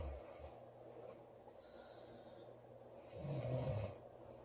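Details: Girl asleep, snoring: soft breathing, then one low, rumbling, vibrating snore near the end.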